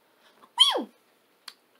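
A single sudden high squeak that slides downward, then a brief click; a simple vocal tic of Tourette syndrome.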